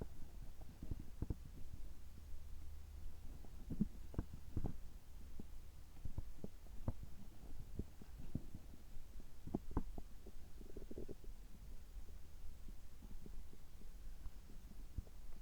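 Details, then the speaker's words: Abdominal sounds recorded right after a health-checkup gastroscopy, which found no problems: soft low rumbles with scattered faint pops and clicks over a steady hum; quiet bowel sounds. "胃カメラ直後の、えお腹の音、胃の様子を聞いていただければ嬉しいです。"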